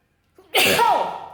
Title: Tickle sneezes, nose blow Africa ,please like and SUBSCRIBE thank you 😊